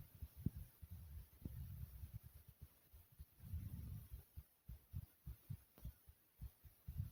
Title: Pumping Heartbeat Sound (earphones required)